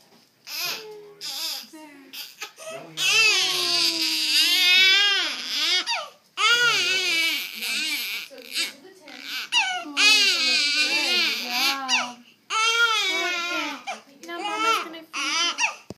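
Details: 9-day-old newborn at a first chiropractic adjustment: loud, high-pitched crying in repeated bursts with brief pauses for breath; vigorous infant cry.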